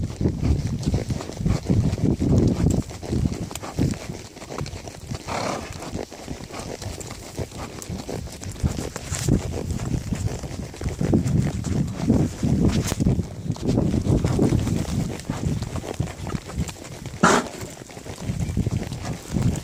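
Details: Horse named Hank coughing while ridden: a few short, harsh coughs over steady hoofbeats and low movement noise.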